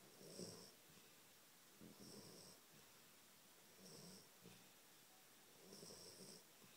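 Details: Snoring from Peaches, a sleeping dog: soft, rattling snores about every two seconds, about 34 a minute, with a quiet hiss between them.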